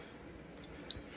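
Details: A single short beep from an Infinity enteral feeding pump as priming starts, over quiet room noise, during home setup of nightly tube feeds at a prescribed rate.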